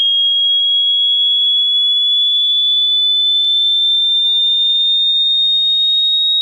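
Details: Online hearing-test frequency sweep from 80 Hz rising slowly to 18 kHz: a pure tone sweeping steadily while a second high steady tone sounds throughout.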